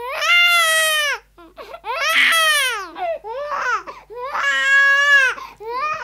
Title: Baby Crying Hysterically Sound Effect